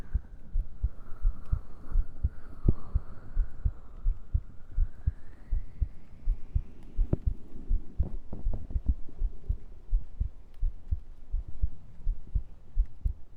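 Regular low thudding heartbeat, about 80 beats a minute, with a faint hum underneath; normal heartbeat.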